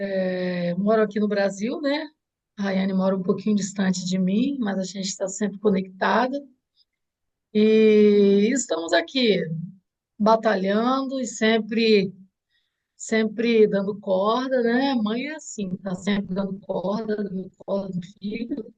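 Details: Adult woman speaking; typical speech.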